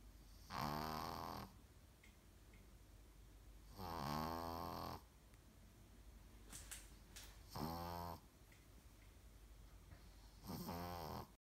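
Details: Slow, rumbling snores on each in-breath, about 17 a minute, separated by quiet out-breaths, from a sleeping female Brussels Griffon dog; snoring.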